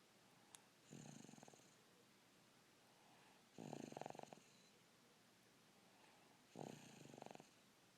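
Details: Snoring while napping on Easter Day: three rattling, buzzy inspiratory snores roughly every three seconds over quiet room noise; ordinary snoring.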